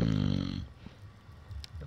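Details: Snoring recorded at Vysokinskoe Lake on 15.08.2015: one loud, rough, buzzing snore on a breath, then quiet breathing; ordinary snoring.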